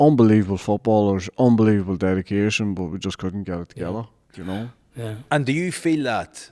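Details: Adult male speech; no disorder.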